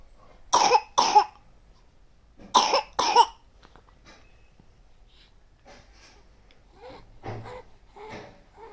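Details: Four sharp coughs in two quick pairs from an ill child who is still playing, then quiet with soft vocal sounds in a small room.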